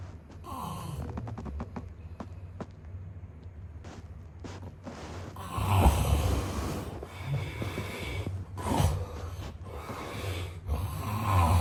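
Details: Snoring sound-effect recording of a man sleeping: loud, rough snoring breaths with snorting bursts and irregular rhythm over a low hum.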